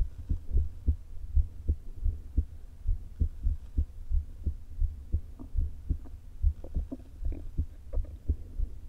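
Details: Woman with atrial fibrillation and a leaking heart valve, recorded before open heart surgery through a low-placed stethoscope: heartbeats with uneven, unpredictable spacing and soft stomach rumbling between them, an irregularly irregular rhythm.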